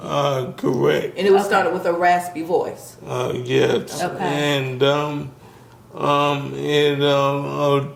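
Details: Adult speaker; no disorder.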